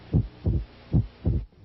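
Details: Low, dull heart sounds in quick succession with a faint hiss at the end; diastolic opening snap of mitral stenosis.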